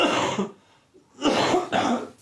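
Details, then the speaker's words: Adult patient with shingles and leukaemia, coughing up a lot of phlegm; the doctor queries a chest infection. Three harsh, loose coughs in quick succession, a productive cough. "excuse me also since I read this I've been coughing up a lot of flame as you can hear"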